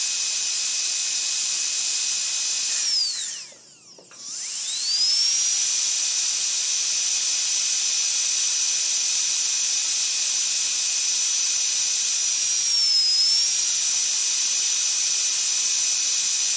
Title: Dentist Drill Start, Various Runs, Stop Hospital, Medical & Dental Equipment Copyright Free #shorts